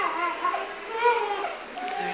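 A young infant cries in short, wavering, whimpering wails in a small room. Ordinary infant crying.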